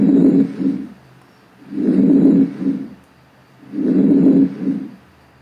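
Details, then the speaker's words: Normal vesicular breath sounds (murmúrio vesicular) from lung auscultation over the alveoli, taught as the first normal breath sound: soft, low rustling breaths in a steady cycle of about 30 a minute, each longer inhale fading into a shorter exhale. "Então, a gente vai ter uma expiração bem maior e a expiração mais curta aqui, quando a gente vai fazer essa ausculta dos alvéolos, que são característicos aqui do murmúrio vesicular. Então, do som, esse é o primeiro dos sons que são considerados normais."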